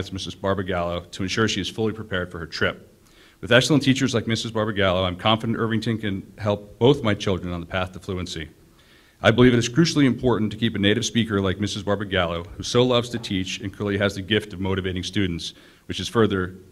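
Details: Adult man speaking; Normal speech.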